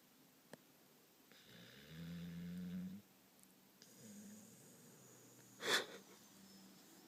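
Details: Soft, drawn-out droning snore, then a weaker breath and a brief snort, from someone sound asleep ("knocked out"): snoring.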